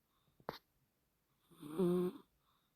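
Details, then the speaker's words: Sleeping pet cat about 10 years old who snores all night and only recently started snoring a lot: a brief snort, then one drawn-out, buzzing, rattly snore. "So, guys, I'm just going to let you listen to my cat who snores all night long next to my head."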